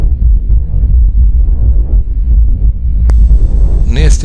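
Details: Soft, low rustling breath sounds heard by stethoscope over distal chest regions, inspiration louder and longer, expiration almost absent: normal vesicular breath sounds.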